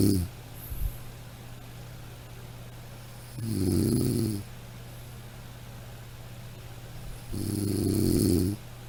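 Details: Rough snores with each inhalation roughly every four seconds over a steady background hum; snoring from a sound-effect recording.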